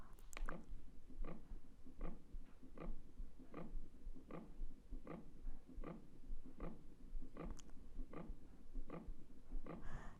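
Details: Pericardial friction rub.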